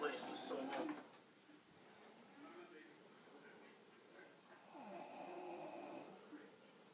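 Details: Two rough, fluttering noisy breaths about four seconds apart with quiet between, in a small room: snoring during deep sleep.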